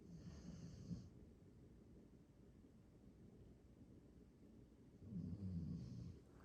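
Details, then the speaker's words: Two low, rumbling snores about five seconds apart from a sleeping female animal in a quiet room. "you hear the girl snoring she's so cute"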